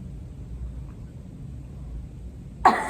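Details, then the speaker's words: Woman's voluntary cough during a student physical therapist's cough assessment: quiet room, then one sharp cough burst; a breath in, a pause as the epiglottis closes, then abdominal contraction and forceful release. "okay so from her cough i could tell that her diaphragm contracted first as she took a breath in and then there was a pause which indicates that her epiglottis did close then her abdomen contracted and that's when her glottis opened and she exposed expelled her cough"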